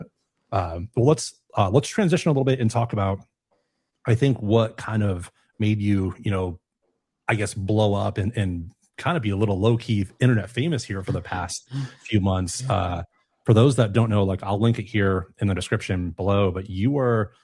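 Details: Adult man; typical speech.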